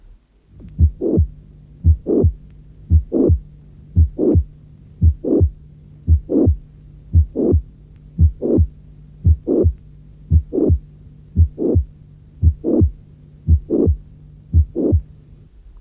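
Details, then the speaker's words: Simulated heart sounds at about 57 beats a minute: late systolic crescendo murmur, starting soft and building up to the second sound, maximal at the apex, high-pitched though sometimes harsh, often due to mitral regurgitation. "Il a été démontré qu’un souffle télésystolique à profil crescendo est souvent dû à une régurgitation mitrale. Ce souffle est maximal à la pointe et aigu, mais il peut parfois être rude."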